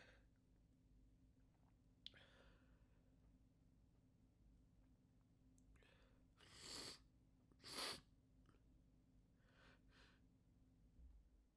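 Two loud sneezes, with softer stifled sneeze-like bursts and breaths around them, over steady room hum.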